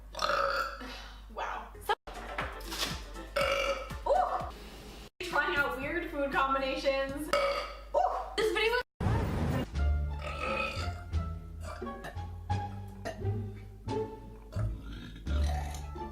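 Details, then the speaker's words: A woman's burp compilation: a string of voiced, drawn-out belches, some stretched and tonal, with background music. "I apologize can I not go a video without burping solid"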